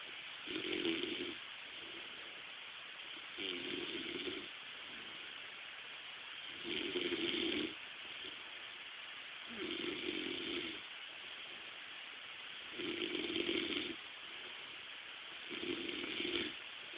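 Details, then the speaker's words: Regular rasping snores from a sleeping man, about 21 breaths a minute, over steady room hiss; ordinary snoring. "You're snoring. What? You're snoring."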